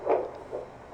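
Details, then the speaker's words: Fetal heartbeat on a Mediana F10 fetal Doppler with gel, mother sitting: rapid, regular whooshing pulses at 143 beats per minute; the fetus moves and dislikes probe pressure. "doesn't like me putting a lot of pressure on her but she's at 143 beats per minute so that's pretty cool"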